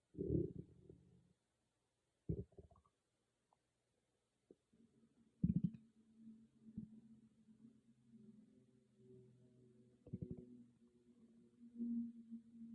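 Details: Stomach growling recorded with only an iPhone, no external microphone, in a quiet room: low gurgling rumbles with brief pops and a drawn-out growl; ordinary stomach growling (borborygmi).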